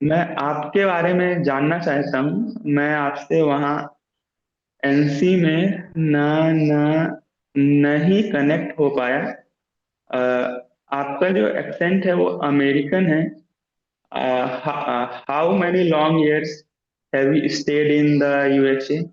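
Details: Man who stammers, in a stammering self-help group, practising voluntary stammering; sound repetitions are audible; stuttering.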